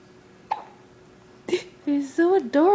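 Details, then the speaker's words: Infant girl's hiccups: two abrupt sharp catches of breath a second apart, then short whimpering sounds. "baby girls got the hiccups like she always did"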